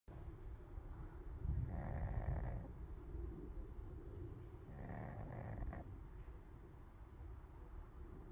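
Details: Soft, low rumbling snores from a sleeping cat, two slow breath cycles with a faint whistling edge; ordinary sleep snoring.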